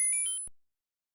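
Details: Brief high-pitched pure tones stepping through pitches, then silence, in a self-check hearing test meant for earphones; hearing every tone counts as normal.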